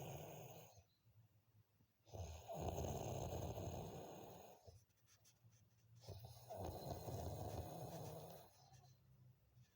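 Two long, loud, rattling snores, each lasting about two and a half seconds, separated by quiet pauses. Ordinary snoring during sleep.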